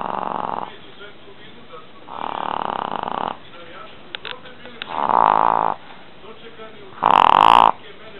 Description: Mops / Pug (4 months old) snoring while sleeping :)